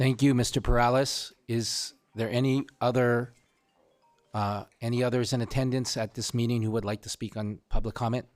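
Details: Adult man speaking at a meeting; ordinary speech.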